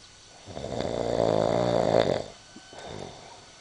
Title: Snore - version 1!